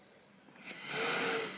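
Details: Adult man with sleep apnea puts on a strapped, magnet-clipped CPAP mask and turns on the machine; quiet room gives way to a rising, steady rush of air with a faint hum.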